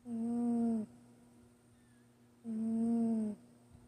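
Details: Sleeping cat during a nap giving two tonal, whistling snores with quiet pauses between; snoring.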